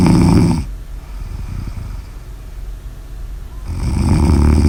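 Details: Snoring: loud, rough, rattling snores at the start and end, with quieter breathing noise between.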